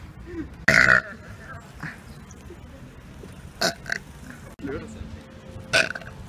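Three loud, deep belches with street background noise and brief talk; ordinary burping.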